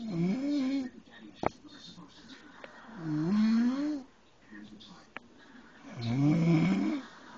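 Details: Snoring from a sleeping adult man, the husband, who claims he never snores.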